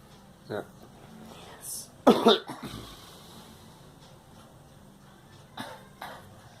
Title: Girl coughing